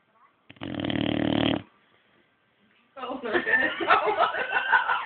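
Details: Boxer dog snoring: a buzzing, snort-like snore, then a rattling, fluttering breath sound.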